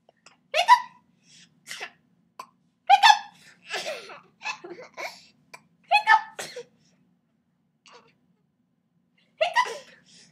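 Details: Toddler aged 17 months 13 days with hiccups: sharp, sudden voiced yelps, about five in ten seconds at uneven intervals, with quiet between; hiccups.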